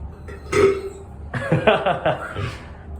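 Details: Person burping while riding a store elevator: a long, croaking burp, then a second broken, gurgling burp, with faint room noise.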